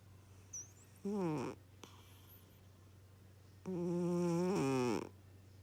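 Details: Sleeping cat snoring: two loud, buzzing snores on breathing in, the second long and drawn out, over quiet room hum.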